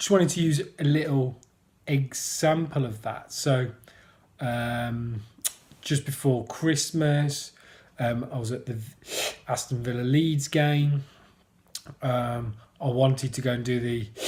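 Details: Adult man who stammers, mentioning blocking; stuttering (stammering)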